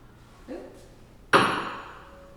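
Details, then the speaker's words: Tuning fork struck and activated during a health assessment ear exam for the Weber test of hearing symmetry: a sharp metallic strike followed by a clear, fading ring. "and this is the Weber test to see if there's symmetry um on equal sides of the ear so the patient would tell you that they hear the vibration equally and that one side doesn't go away before the next"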